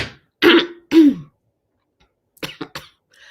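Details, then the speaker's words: Two loud, voiced throat-clearing bursts, then a quick run of three short, soft coughs in a quiet room; throat clearing and cough. "So, yes, you will. I you'll have to pardon me. You will hear a cough."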